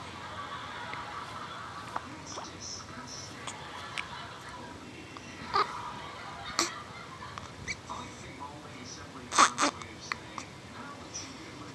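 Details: Baby girl: soft, irregular hiccup bursts over steady room noise and faint music; hiccups.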